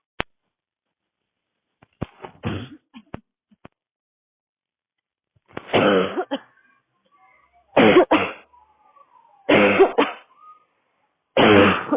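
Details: A woman on a daily walk in cold air with a tight throat: a few faint throat sounds, then four harsh, forceful dry barking cough bursts at spaced intervals.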